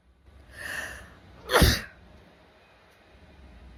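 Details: A woman sneezing, nostrils flaring, after feeling an itch: a drawn-in breath, then one sharp, explosive sneeze in a quiet room: sneezing.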